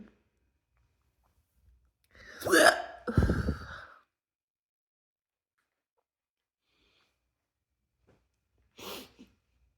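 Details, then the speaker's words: Person with hiccups they believe were triggered by deliberate burping or an inhale technique: two sudden, forceful voiced gulps close together, then a quieter third after a pause; abrupt hiccups. "I make burp videos a lot and I guess like one of the burps triggered the triggered the hiccups so let's just see where this goes"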